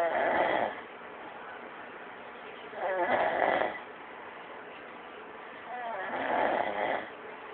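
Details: Man snoring, recorded on an Android phone: three loud, rough, vibrating breaths about every three seconds, roughly 20 a minute, with quiet gaps between.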